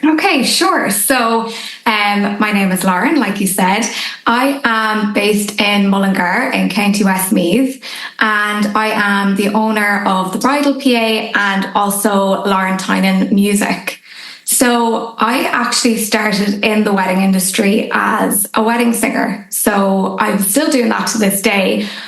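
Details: Adult woman speaking; normal voice.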